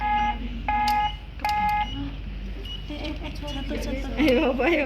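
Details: Three regular electronic beeps from a biphasic defibrillator monitor connected to an ECG rhythm simulator, about 72 a minute, followed by indistinct talk.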